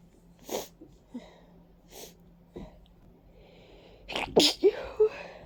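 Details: A few short sneezes and sniffs, then two loud wet sneezes close together; stuffy, runny nose and watering eyes attributed to ragweed and dust; sneezing with allergic rhinitis.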